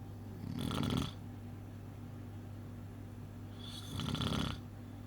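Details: Snoring: two rough, rattling snores about three seconds apart over a steady low hum.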